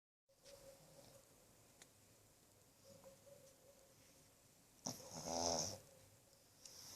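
Quiet room with soft nasal breathing, then one louder rattling, whistling snore from a flat-faced small dog.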